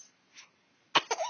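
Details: Baby boy doing a voluntary fake cough: a short, deliberate cough burst with a voiced tail, a pretend cough rather than illness.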